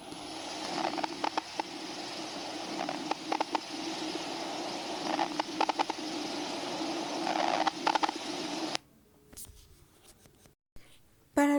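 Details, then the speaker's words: Breath noise with repeated bursts of brief popping clicks, demonstrating crackles produced as previously closed small airways open, as seen in pneumonia, pulmonary edema or pulmonary fibrosis. "Para los sonidos crepitantes, estos se producen durante la apertura de las pequeñas vías respiratorias previamente cerradas, antiguamente denominadas de burbuja. Sus principales causas son la neumonía, el edema de pulmón, fibrosis pulmonar, entre otras."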